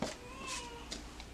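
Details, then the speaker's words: Postpartum mother's newborn daughter crying in another part of the room with her father: a single thin, high-pitched cry, heard faintly. "also you can hear my baby crying she's with her dad she's fine"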